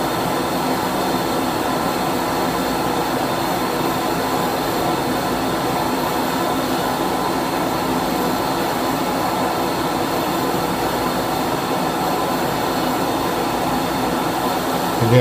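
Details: Continuous loud whooshing hum of a smoke evacuator and laser unit running as a fungus-infected toenail and its matrix are laser-removed from a female patient's foot under anaesthetic.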